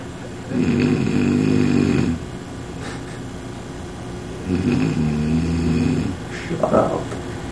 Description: Overnight on a business trip with my then boss, he has a bit of a snoring problem.